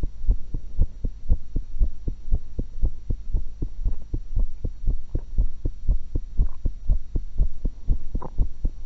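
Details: Normal heart sounds of the recorder, eating one apple and one cucumber, through a single stethoscope: regular heartbeat thumps over a steady electrical hum, with occasional extra chewing noises.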